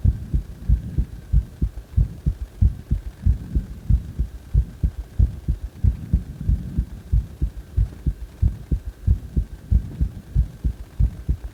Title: My heartbeat sound after during cpr